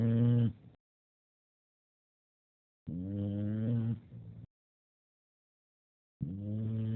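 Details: Heavy snoring ("snoring up a storm").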